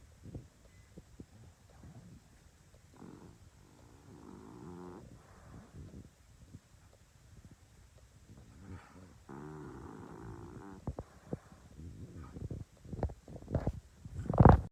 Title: ENGLISH BULLDOG SNORING WHILE SLEEPING FUNNY DOGS#SHORTS